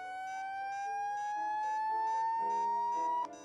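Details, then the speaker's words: Simulated defibrillator charging tone on the LLEAP virtual defibrillator during a synchronized defibrillation demonstration, with sync on and R waves marked: tone rising steadily in pitch over about three seconds before the shock, with soft music behind. "the r wave of each ecg complex is marked with an x defibrillation charging in progress"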